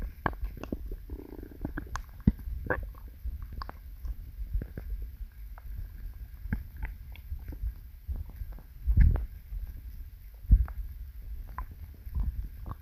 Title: 꼬르륵소리 gassy stomach growling sound